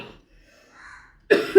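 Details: Adult's cough, attributed to allergy from fabric dust and said to have cleared then returned: one sharp, loud cough burst after a quiet pause; dry allergic cough.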